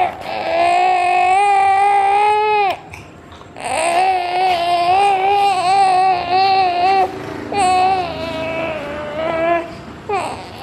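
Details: Infant crying: loud, sustained, ordinary healthy crying in long wavering wails with brief pauses for breath.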